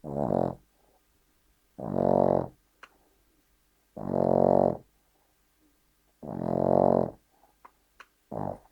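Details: 3-year-old Cavalier King Charles Spaniel fast asleep, snoring: loud, tonal, rumbling snores about every two seconds with quiet gaps between breaths.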